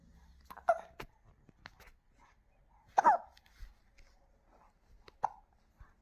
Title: How to stop hiccups in my baby